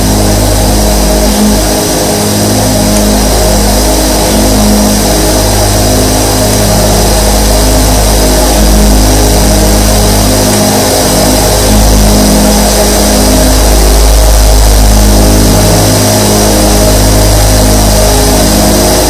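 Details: Twenty-four nebulizers running together: steady, loud mechanical hum with low motor drone and airy hiss; nebulizer compressors in continuous operation.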